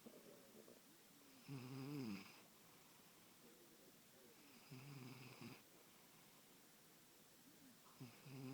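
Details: Sleeping pet cat snoring, audible from a room away: quiet, regular snoring with a faint whistle, each breath in and out heard, roughly 20 breaths a minute; snoring.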